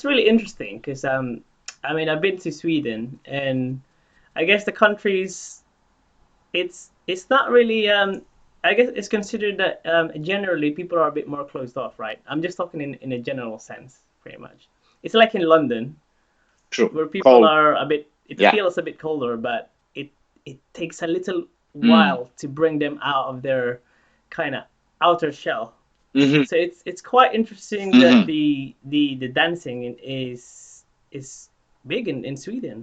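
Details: Adult speaker (interviewer); normal speech.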